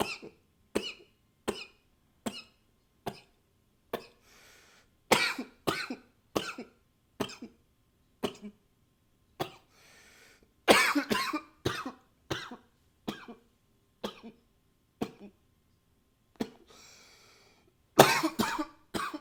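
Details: About two dozen repeated short, dry single coughs, with a few bursts of sniffing or nose blowing between them, recorded with a high-fidelity microphone; cough.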